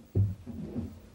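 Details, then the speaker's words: Simulated heart sound from a computer patient case, heard by selecting the stethoscope at the heart position: a low thump then a softer, drawn-out whoosh; murmur in a dizzy female patient who also has an arrhythmia. "we can hear that there's a bit of a murmur in this patient so that gives us maybe some idea about why our dizziness"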